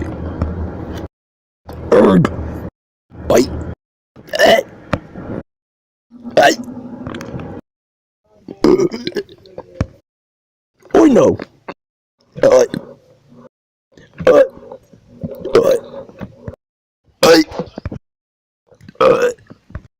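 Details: Compilation of repeated, deliberate burps: about a dozen short, gurgling voiced burps in quick succession over twenty seconds; burping.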